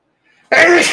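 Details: An adult man battling a cold sneezes: sneeze.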